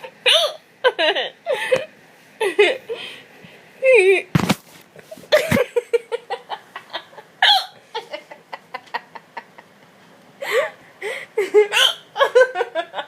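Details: Girl laughing hysterically while sharp, abrupt hiccups keep breaking in, some in quick runs and changing in sound, amid giggling.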